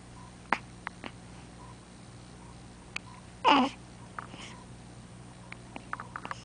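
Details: A few brief clicking hiccups, then one louder hiccup with a short voiced catch, in a quiet room with faint hum; hiccups.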